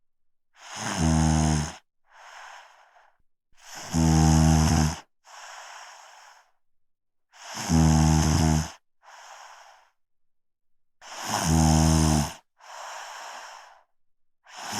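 Loud, rattling snores on each in-breath, followed by softer airy out-breaths, about 17 breaths a minute.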